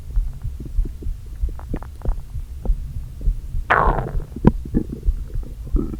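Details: Stomach noises from a person who had not eaten all day, with air deliberately inflated into the stomach: low hollow gurgles and rumbles with irregular thumps and a longer growl; borborygmi.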